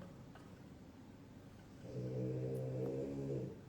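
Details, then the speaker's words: Snoring heard in the background of a livestream, source not identified: snoring. "Ngok ngok. Aku enggak tahu kalian bisa dengar enggak bunyi ngoroknya arah tuh."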